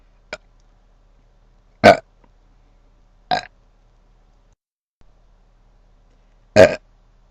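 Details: Four short, throaty burps with quiet pauses between them; plain belching.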